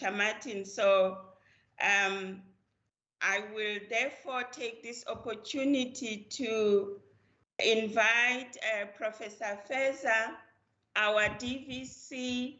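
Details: Adult speaker; normal voice.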